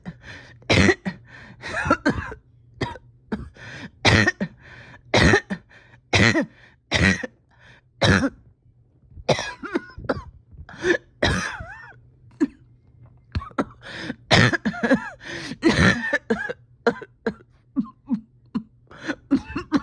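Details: Painful cough: repeated harsh, strained bursts with throat clearing over about twenty seconds, low room hum, in a patient reporting a tight chest with oxygen levels holding steady.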